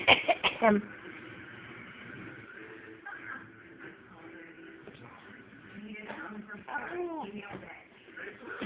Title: Fake cough